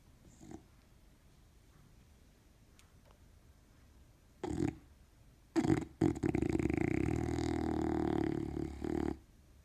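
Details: Dog named Keston napping on a sheepskin rug: snorts, then a long rattling, grunting breath through the nose; a loud snorting snore.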